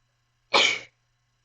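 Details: One short, explosive burst of air, a single sneeze in silence.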